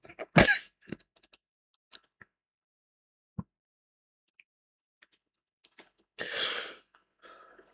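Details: Throat clearing by an adult who reports being a little sick, after smoking cannabis: a forceful harsh throat clear, scattered small clicks, and a second rough clearing burst, with no speech.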